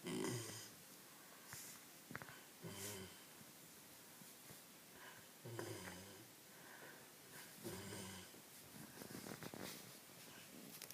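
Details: Labrador dog snoring during an afternoon nap: soft, regular snores, about five in eleven seconds, with light snuffling and background noise.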